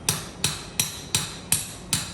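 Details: Surgical mallet tapping a 14 mm titanium cage into the L5–S1 disc space during a lumbar fusion revision for non-union, under x-ray guidance: six sharp, evenly spaced metallic taps, about three per second.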